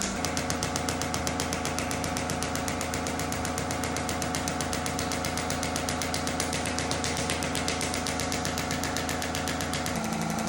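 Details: Shockwave therapy handpiece treating lower back and hip structures for back pain and hip mobility: rapid, steady mechanical tapping pulses with a faint underlying hum.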